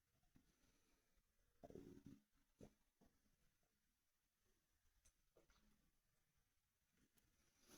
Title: Stomach rumbling and monster energy drink sloshing (headphones recommend)